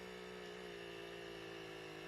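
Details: Automatic upper-arm blood pressure monitor: a steady low mechanical whir of the small pump as the cuff inflates; blood pressure monitor cuff inflation.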